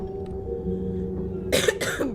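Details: Two harsh, wet coughs over steady background music.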